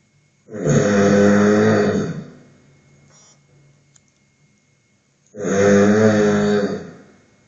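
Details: Two long, loud, rumbling snores about five seconds apart with quiet breathing between, recorded during sleep while a snore-detection sleep monitor tracks snoring and movements; snoring.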